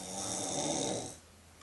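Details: A single loud, harsh, fluttering snore lasting about a second, then quiet, from a woman during sleep; snoring.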